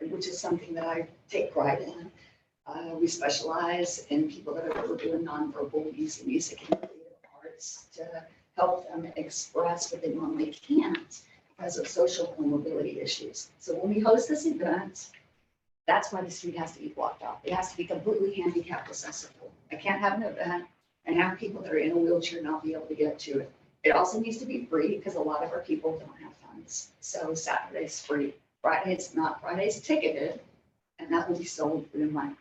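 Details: Adult woman diagnosed in 2020, about two years earlier, with spasmodic dysphonia and essential vocal tremor, with epilepsy diagnosed in 1989: spasmodic dysphonia with essential vocal tremor.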